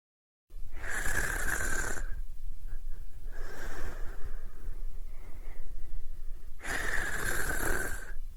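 Three loud, harsh breathing noises with a whistling edge, roughly every three seconds. Snoring with a high-pitched whistle.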